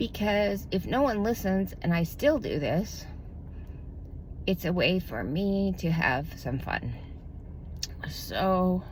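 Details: Adult woman with self-reported spasmodic dysphonia, diagnosed about two to three years ago, which she says tends to progress; spasmodic dysphonia.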